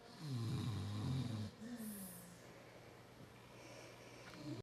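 Low rumbling snore on the in-breath, followed by quieter breathing noise; ordinary snoring.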